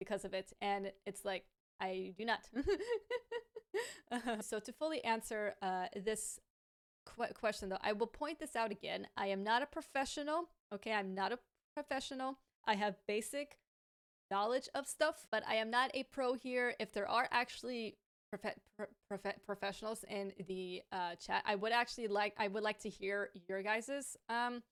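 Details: Adult woman with a lifelong stammer, a native English speaker who is fluent in Hebrew and now stammers more in Hebrew; she says it worsens with pressure, anxiety and being rushed; stuttering.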